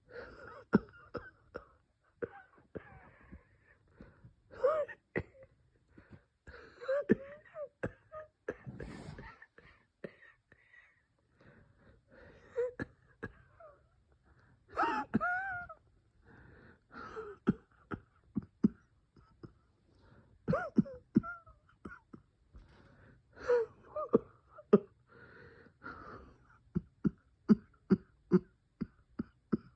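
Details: Repeated harsh coughs and throat-clearing with strained, whistling breaths between them: bronchospasm with cough and wheeze.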